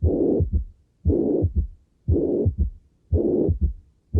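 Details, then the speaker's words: Heart murmur from a left-heart murmur audio series (aortic stenosis, mitral insufficiency, aortic regurgitation, mitral stenosis): regular heartbeat near 58 per minute, each beat carrying a loud rushing murmur after S1. "soplos de las cavidades izquierdas, o sea, los soplos sistólicos, ya sea de estenosis aórtica o de insuficiencia mitral, y los soplos diastólicos de regurgitación aórtica o insuficiencia aórtica y de estenosis mitral."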